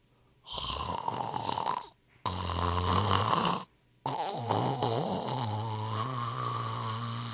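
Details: Drawn-out, droning snores of varying pitch separated by brief silences, from a royalty-free sound-effect compilation of people snoring.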